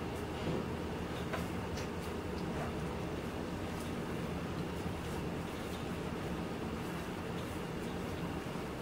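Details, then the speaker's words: Suction machine switched on during tracheostomy care and suctioning (nursing skills demonstration): steady low motor hum with faint clicks of equipment being handled. "Tara applies pulse oximeter. Turns on suction and assembles ambu bag."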